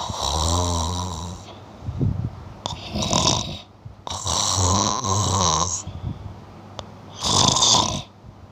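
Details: Person snoring: loud rattling snores on each breath in, with noisy breaths out between them, about three breath cycles in eight seconds; heavy snoring.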